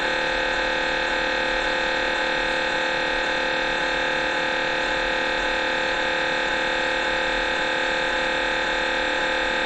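A loud, steady electronic buzzing drone with a fast regular pulse, the normal knocking and buzzing of an MRI scanner during imaging.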